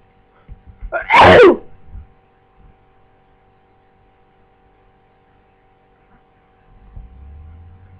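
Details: A flu sneeze: a single loud sneeze with a sharp intake, then an explosive burst, followed by quiet room noise.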